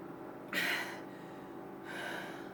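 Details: Deliberate gasp during a hiccup remedy, drinking a whole cup of water slowly while standing on tiptoes with the head tilted up: a sharp, forceful intake of breath, then a softer, longer breath.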